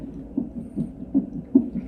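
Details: Fetal heart sounds on electronic fetal monitoring Doppler during a non-stress test in a pregnant woman, rate about 130 a minute, roughly twice the adult rate.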